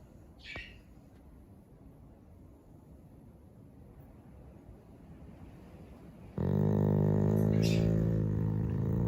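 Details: Chow Chow dog snoring: a loud, low, rattling rumble begins abruptly after several seconds of quiet and holds steady.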